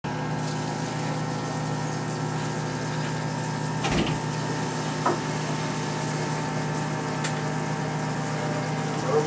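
Steady motor hum runs throughout, with a few faint clicks. This is a dental implant drill motor running during implant placement.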